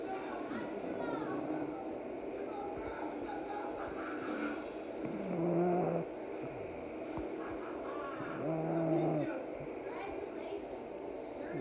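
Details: Rhythmic, low, buzzing snores from a sleeping young child, roughly 17 breaths a minute, over steady room noise: ordinary snoring.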